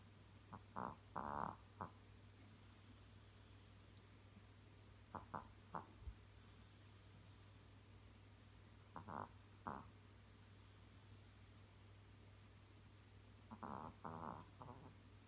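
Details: Small Yorkie dog snoring loudly while asleep: short rhythmic snorting snores in bursts every few seconds over a steady low hum.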